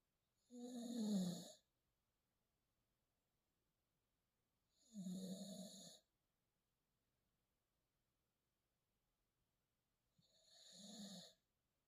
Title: Shadow snores loud trying to sleep #pitpuppy #subscribe #bulldog #dogsofyoutube